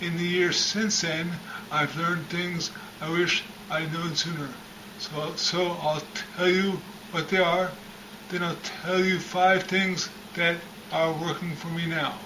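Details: Adult man over 10 years after a traumatic brain injury with a three-week coma, speech still improving in recovery; mild acquired speech impairment after traumatic brain injury.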